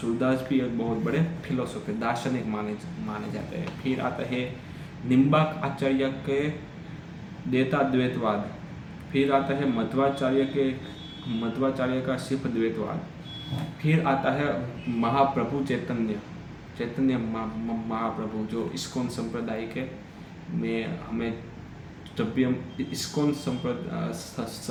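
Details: Stammering in an adult man during Hindi storytelling practice on day 7 of a daily stammering practice routine that includes breathing exercises.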